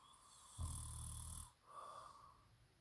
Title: low key snoring